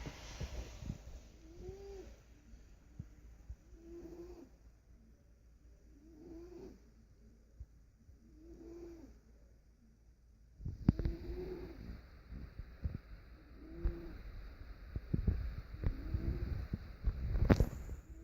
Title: Gypsy, my cat snores so loud!